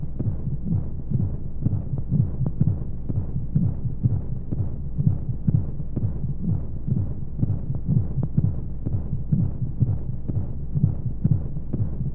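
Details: Womb-sound sleep aid for babies: steady muffled low thumps at about 125 a minute over a constant deep whooshing rumble, like a heartbeat heard from inside the womb, with white noise; heartbeat.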